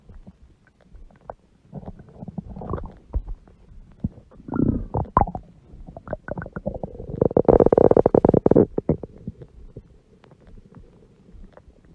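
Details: Woman with a large belly: gurgling, rumbling stomach growling with bubbling bursts, loudest midway, from gas and fluid moving through the gut.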